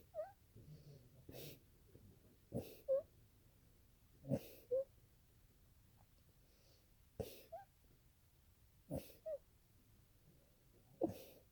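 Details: About six sneezes in quick succession, each a sharp explosive burst, described as the person's longest sneezing fit.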